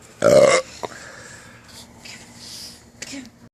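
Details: A man gagging himself to try to cure his hiccups lets out one loud, short, rough belch, followed by quiet room sounds and faint noises.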